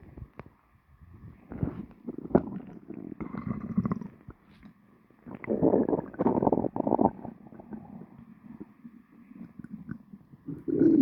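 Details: Person's stomach after lunch, recorded: irregular gurgling, rumbling and squeaky bursts of bowel noise in a quiet room; stomach growling (borborygmi) after a meal.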